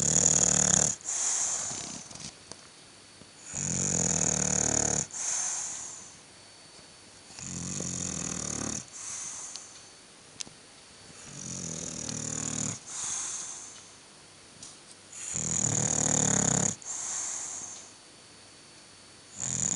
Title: Snoring Bulldog - chrapiący pies